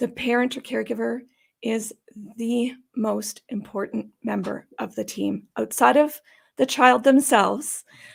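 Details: Adult woman with idiopathic subglottic stenosis for about 12–14 years, treated with repeated tracheal dilatations and surgeries on her trachea; she says these may leave her sounding gravelly or gasping for breath. Dysphonia from subglottic stenosis.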